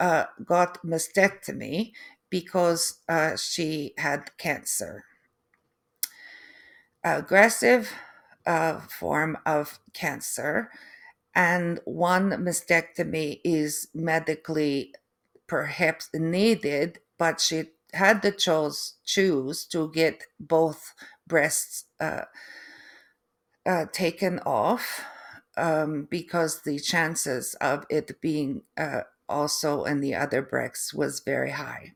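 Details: Adult woman after a stroke with aphasia and apraxia of speech, plus foreign accent syndrome that developed 3 months after the stroke.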